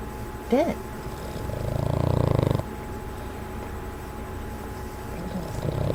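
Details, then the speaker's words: Boston Terrier snoring in sleep before his owner wakes him and he snorts: a single low, buzzing, fluttering snore about a second long, brief squeak before, room hum throughout; snoring. "Ben, what are you doing? Ben, are you snoring?"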